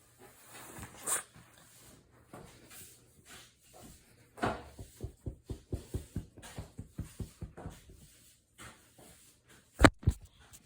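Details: Repeated sneezing in a dog: a sniffing run ending in a forceful sneeze burst.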